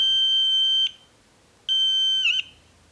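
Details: 3D-printed earbud anti-bruxism device with piezo active buzzer and switch triggered by teeth grinding, prototype test: two loud, high-pitched electronic buzzer tones meant to wake the wearer from night grinding.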